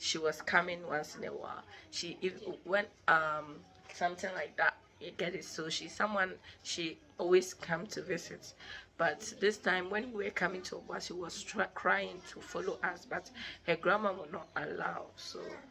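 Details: Adult woman; normal speech.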